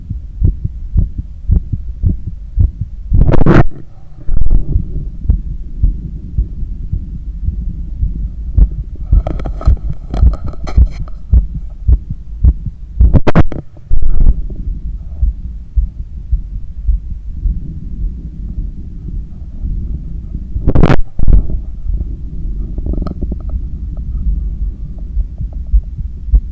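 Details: Normal heart sounds during cool-down after a long run: fast regular heartbeat through a stethoscope, with a few loud rubbing noises and breaths.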